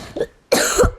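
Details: A female speaker, who says she is ill with a very high fever that started at school, gives a short, forceful cough burst after a softer throat sound while narrating a game tutorial. Cough.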